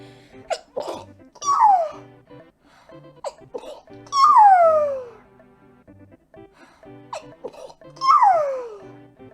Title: 【Hololive moments】Something like a small animal that sneezes.